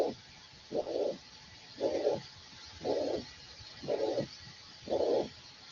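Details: Teaching recording of mitral regurgitation: repeated blowing systolic murmurs, one per beat at about 57 per minute.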